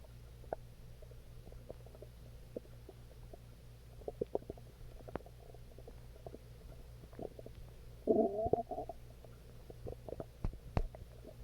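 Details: Quiet low hum with scattered small gurgles and clicks, then a brief louder gurgle; ordinary stomach growling.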